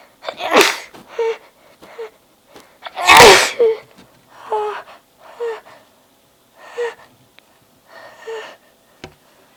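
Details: Sudden random sneezing attack: a series of sneezes, one very forceful, each a sharp burst of air with short breaths between; a sneezing fit.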